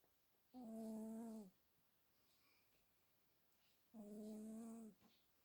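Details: Furry pet (Jack) snoring unusually quietly today: two tonal, buzzing snores about three seconds apart with quiet room between; ordinary snoring during sleep.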